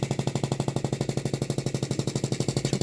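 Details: Transplant patient, long intubated and unable to clear mucus himself, receiving mechanical chest percussion: rapid, even thumping about twelve beats a second, painless; he fell asleep afterward; airway clearance.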